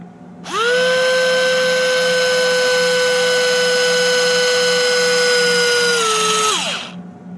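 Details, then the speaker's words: Steady high-pitched motor whine about six seconds, dropping slightly in pitch under load then spinning down: powered intraosseous drill inserted into bone at near 90°, angled away from growth plate, in NICU procedure simulation. "I'm going to position my hand being careful not to place my fingers below the area that I'm drilling"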